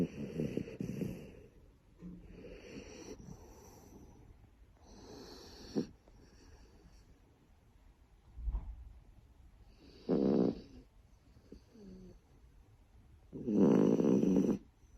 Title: Snoring Shiba😁